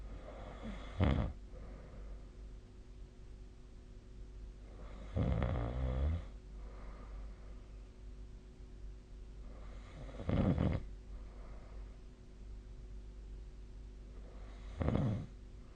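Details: Ordinary sleep snoring: low rumbling snores recurring about every five seconds, roughly 12 to 14 per minute, over quiet room hum.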